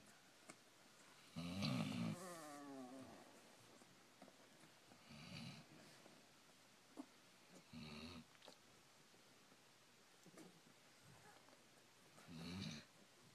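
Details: Basset hound snoring while sleeping after a puppy slumber party: soft rattling snores in short bursts every few seconds, with quieter breathing and faint room noise between them.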